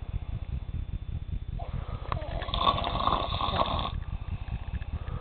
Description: It's like a vacuum sucking up water